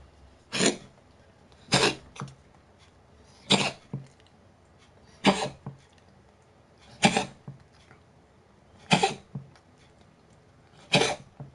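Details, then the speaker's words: Female cat coughing up phlegm, just woken: seven sharp, harsh hacking bursts about every one and a half to two seconds, some with a short follow-on catch; a phlegmy hacking cough. "Bit of phlegm. Get it out. No? Get it out. Yeah. So yeah, like us, they get phlegm and whatnot."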